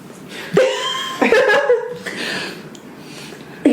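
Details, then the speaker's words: Adult hiccuping while talking after drinking wine: several abrupt, sharp voiced gulps, each followed by a short tonal vocal sound, with light laughter in a small room. "Hiccuping is not making any fucking better."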